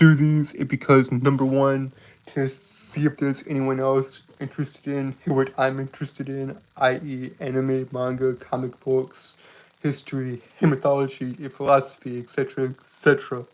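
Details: Male speaker with a self-described speech impediment who likens himself to Porky Pig: stuttering.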